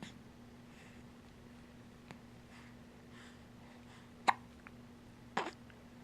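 Two abrupt, sharp hiccup sounds over a steady background hum; hiccups.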